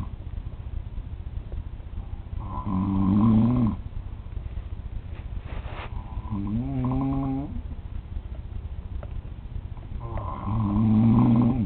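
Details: Adult man (father) recorded snoring in sleep at 3 a.m.: loud, rattling snores on each in-breath, about 15 breaths a minute, with steady background hiss.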